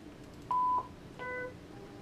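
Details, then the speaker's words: Zoll ProPaq MD multi-parameter monitor powering on for preventive maintenance testing: two short electronic beeps, a pure tone then a richer chime, as the self-test runs. "so what i'm going to do first is i'm going to power on my pro pack"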